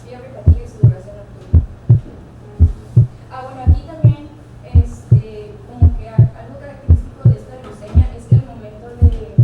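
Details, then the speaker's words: Regular heartbeat about 56/min over a low hum with a faint first sound, linked to a prolonged PR interval of 0.20 seconds; soft first heart sound. "El primer ruido tiende a ser débil."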